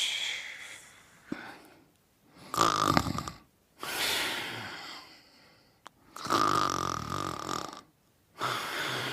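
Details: Olivia asleep: loud, rough snoring on each breath in, alternating with quieter breaths out, about four cycles in nine seconds.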